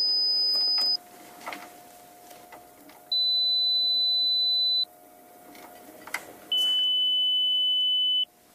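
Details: Audiometry test tones during play audiometry for a deaf young child: three steady pure tones at different pitches, each lasting one to two seconds, over quiet room noise.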